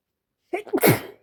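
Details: Female, single sudden explosive sneeze after a short in-breath; she had violent, quick-fire, big wet sneezing attacks all day.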